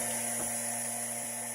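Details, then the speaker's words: Steady mechanical hum with a constant whine from an air compressor pushing air into an Oxynova Kevlar soft hyperbaric chamber (7 ft by 30 in) during a session. "Alors, le bruit qu'on entend, c'est le bruit d'un compresseur. C'est lui qui pousse l'air à l'intérieur."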